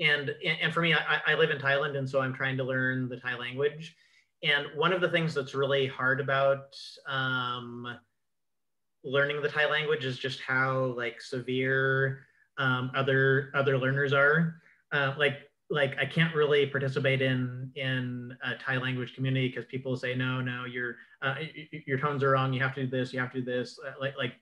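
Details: Adult man with self-reported cluttering involving repetitions, interjections, revisions and telescoping, especially when talking fast: cluttering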